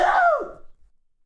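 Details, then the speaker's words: Single adult sneeze during a live show: a brief, partly voiced burst falling in pitch. "apologies I just sneezed if you didn't hear it"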